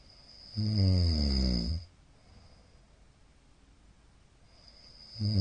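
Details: Middle-aged man snoring in sleep: one loud, rattling inspiratory snore, then quiet breathing, with the next snore starting. Recorder suspects sleep apnea after a sudden gasping "fa!" sound.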